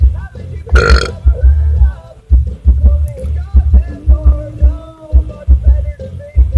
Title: Burping is fun! XD